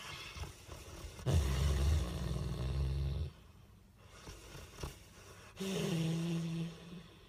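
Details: 4-year-old Bullmastiff dog snoring in deep, good sleep: two loud, low, fluttering rumbles on the in-breath with quiet pauses between.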